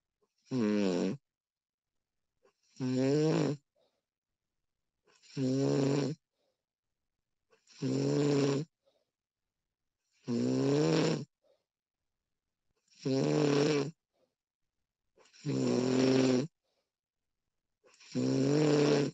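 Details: Recording of a woman snoring in a quiet room: eight regular voiced snores, about 23 per minute, each a rough, buzzing in-breath separated by silent pauses; ordinary snoring.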